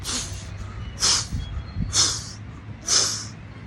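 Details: Simulated Korotkoff sounds: a person mouths four sharp, hissing spits about a second apart, imitating the pulse breaking through the blood pressure cuff.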